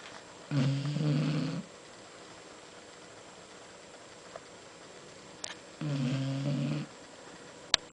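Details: Sealyham Terrier dog napping after lunch: two buzzing, fluttering snores about five seconds apart in a quiet room. Snoring.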